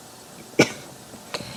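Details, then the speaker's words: Woman with Tourette syndrome demonstrates a tic cough caused by a chest-muscle contraction she releases as a cough: a single sharp cough, then a softer second one. "and what happens is it actually becomes a cough, and the cough isn't actually the tick, it's this muscle contracting in here that's the tick."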